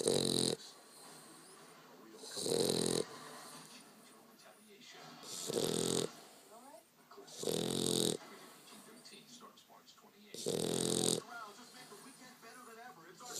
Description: This is how my dog stokely sounds pretty much every single time he sleeps.